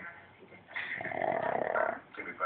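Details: Boo Boo, a chubby pug, snoring: a single loud, rattling snore lasting over a second, with quieter breathing around it.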